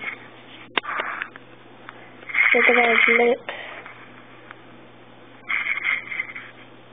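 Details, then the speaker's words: Tinny phone-line audio, about 1 a.m., of a woman asleep on a phone call. A loud, buzzing, tonal rasp lasts about a second, then a weaker one follows a few seconds later: snoring. "You hear that? That's my girlfriend on the phone snoring."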